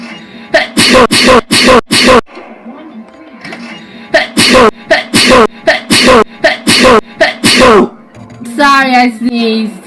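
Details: A rapid run of about a dozen sharp sneezes in two bursts, with a short vocal sound at the end and faint music behind; sneezing.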